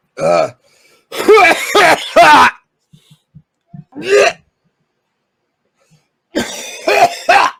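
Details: Man coughing during a sour pickle balls eating challenge, then saying he is throwing up: about eight harsh, partly voiced coughs in uneven clusters with quiet gaps and faint clicks.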